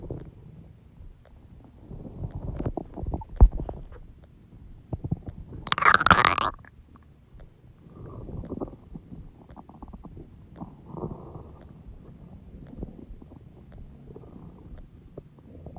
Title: Huge stomach growling noises | My Stomach Makes Noises